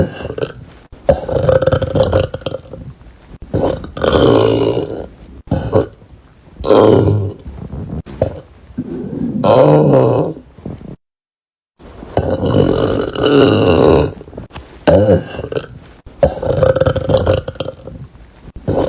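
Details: Compilation of women and girls burping: a run of long, loud, voiced burps with brief pauses, some drawn out into growling belches.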